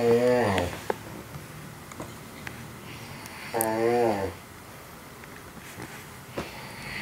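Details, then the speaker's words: Snoring from a friend sleeping nearby, recorded at 6:45 am by someone kept awake by it, with music over parts of the recording. "I'm awake because of some serious snoring going on. I'm not going to say who this is."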